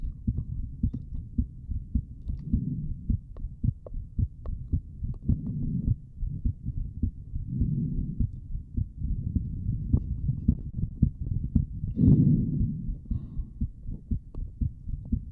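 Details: Streamer's own heartbeat picked up by a microphone during a relaxing ASMR session, said to be beating hard with paired strong beats: steady low thumping about 100 a minute with faint hum; normal heartbeat.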